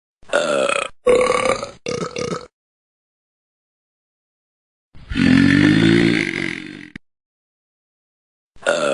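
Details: Korat cat and his burping buddies: several loud voiced belches, including one long drawn-out burp, separated by silence; ordinary burping.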